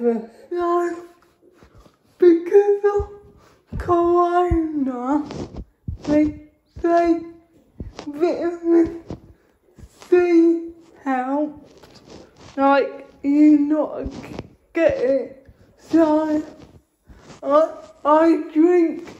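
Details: Dysarthric speech in a female speaker with cerebral palsy, real everyday vlog speech.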